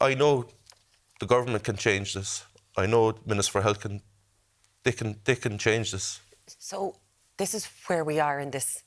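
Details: Adult male speaker; Normal speech.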